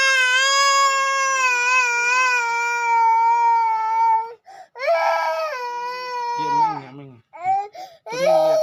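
Long, loud, sustained wailing cries with sobbing breaks between them; a child crying.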